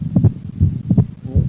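Low heart thumps at about 80 a minute. Several sounds come as close doubled beats. This is a widely split second heart sound: pulmonic valve closure is delayed in right bundle branch block, and the split varies with breathing.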